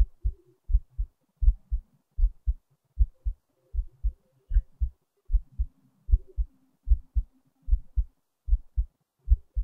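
Clear paired lub-dub heart sounds at about 77 beats a minute, regular rhythm.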